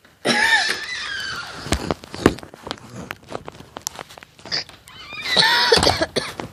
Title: Coughing